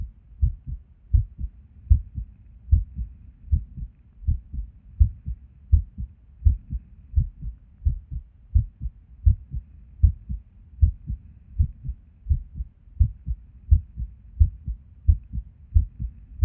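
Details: Resting heartbeat recorded at Erb's point while sitting at a desk, heart often skippy with or without reason: low thumps about 85 a minute, unevenly spaced with occasional pauses; an irregular rhythm with skipped beats.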